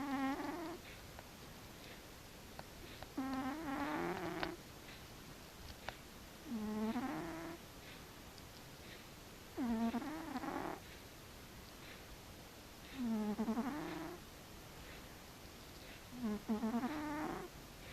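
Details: Six soft, rattling snores from a sleeping cat, about three seconds apart, roughly 18 breaths a minute.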